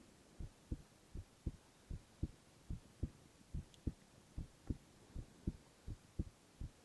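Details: Boy's heart sounds, ASMR recording: steady paired heart thumps at about 75 beats a minute, regular rhythm over a soft background hum; normal heart sounds.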